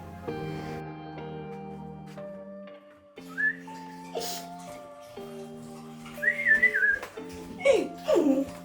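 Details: Vocal tic (whistling) in a 14-year-old girl with Tourette's diagnosed at 13. Whistling was one of her first tics and has persisted. Her other vocal tics include swearing and screaming.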